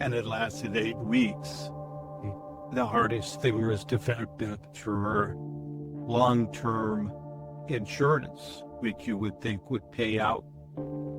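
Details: Member of a network of people living with aphasia and stroke, with halting speech and word errors: aphasia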